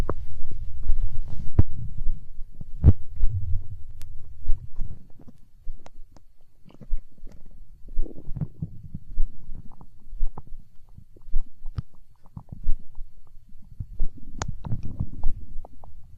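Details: Hunger stomach growl in an ASMR recording: low rumbling and gurgling with scattered clicks and pops, ordinary stomach growling (borborygmi).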